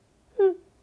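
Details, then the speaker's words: Adult man with Tourette syndrome, who had brief vocal tics in his youth but no longer does, imitating one: a single brief, high-pitched voiced squeak, a simple vocal tic. "And while I no longer experience vocal tics, I had brief periods during my youth when I gently cleared my throat [clears throat], or made a slightly high-pitched sound"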